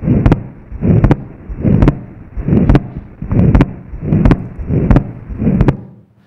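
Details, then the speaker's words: Atrial septal defect (ASD) on an electronic stethoscope: regular heartbeat near 77 a minute with clearly doubled second heart sound, a wide fixed splitting of S2 (over 40 ms). "so this is an atrial septile defect the ASD where you can clearly hear the the wide fixed splitting of the second hot sound"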